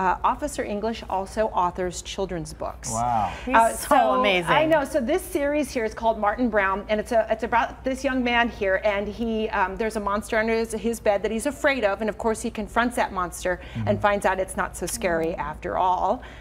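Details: Adult women in conversation; normal fluent speech.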